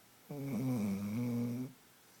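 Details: A single drawn-out, buzzing, slightly tonal snore lasting over a second from a sleeping female dog in a quiet room; snoring.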